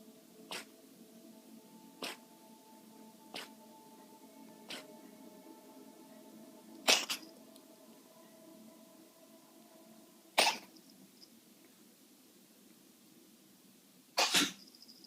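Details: Male cat coughing up a hairball: several soft clicks, then three sharp hacking bursts while retching.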